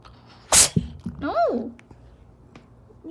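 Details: Single sharp, explosive sneeze followed by a short vocal sound; sneezing.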